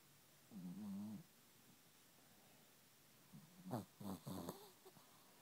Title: Snoring With Eyes Open